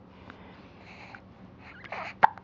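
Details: Quiet room with soft baby sounds, then a sudden short hiccup near the end from a baby boy sitting in a nursing pillow who gets hiccups often and seems unbothered; normal and harmless in infants.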